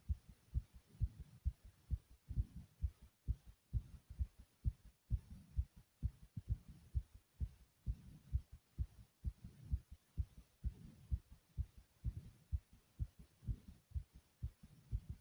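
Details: Heart pounding fast: strong, regular low thumps at a quick pace, about 130 beats a minute.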